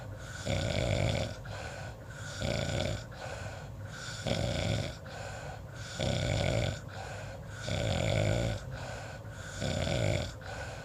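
Loud, rattling snores on each breath in, about six in ten seconds, roughly 34 breaths a minute, with quieter breaths out.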